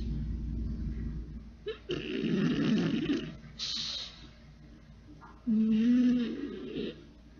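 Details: Boston Terrier snoring: irregular, rough, snorting breaths with a low rumble and quieter pauses, typical of a small flat-faced dog.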